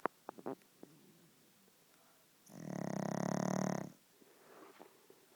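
One loud, buzzing, vibrating snore lasting over a second between quieter breaths and a few faint clicks; snoring.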